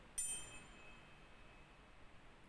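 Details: Tuning fork tone during a hearing test in a practical physical examination of a child.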